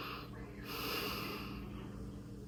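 A single slow, deep breath in, then a quieter release, heard in a quiet room; a normal deep breath taken during a chest expansion check.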